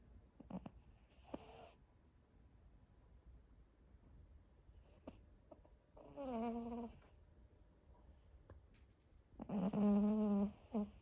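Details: Buzzy, whistling breaths every few seconds from a sleeping cat in a quiet room with small clicks; gentle snoring.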